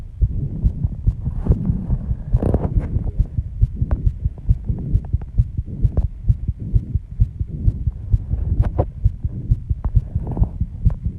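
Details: Heartbeat after intense exercise at 134 bpm, pounding loud enough to hear without the microphone at the start: a fast, pounding beat under heavy breathing noise, consistent with sinus tachycardia after exertion.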